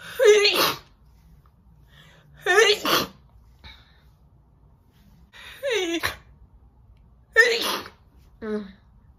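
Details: A woman makes herself sneeze by rubbing her nose: four loud, wet sneezes, each with a sharp in-breath before it, then a brief voiced sound; sneezing.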